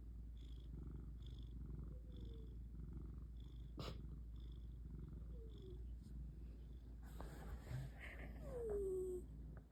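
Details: Sleeping cat snoring: steady, low rhythmic rumble of breathing with a few soft squeaky chirps and a brief click.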